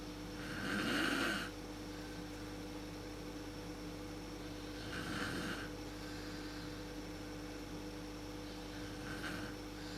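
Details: Mother snoring in the dark, worst at sleep onset, recorded with a PowerShot SX130 IS camera: three rough soft snores about four seconds apart over steady room hum.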